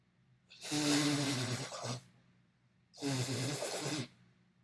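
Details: Two separate loud, forceful adult sneezes, filmed in a mirror and edited into a compilation. Each opens with a brief voiced intake before a harsh expulsion.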